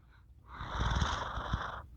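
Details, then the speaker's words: A male ("him") who has passed out asleep snores in a dim room while someone talks nearby; the household's boys are described as loud snorers. "can you hear him he's passed out and he's snoring it's so cute hold on"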